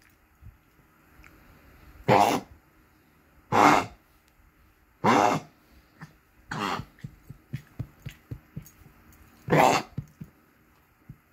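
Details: Five harsh, honking cough bursts from a female dog around 5:44 am over about ten seconds, worst episode yet despite medication given 30 minutes earlier, faint breathing between in a quiet room.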